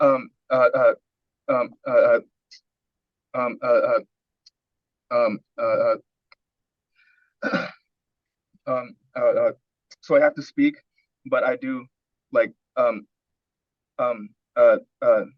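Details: Adult man with severe stuttering with speech blocks and pushing words out, recorded at an early coaching session; repeated filler sounds and repeated words are heard; stuttering.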